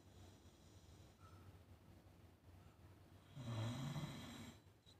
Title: Proof Pepper Snores